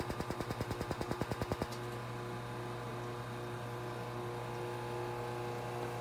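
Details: Rapid regular clicking pulses, about 200 a minute, for under two seconds, then a steady hum: a Laser Genesis cosmetic laser firing under the eyes of a female client wearing protective goggles, treating fine lines and wrinkles.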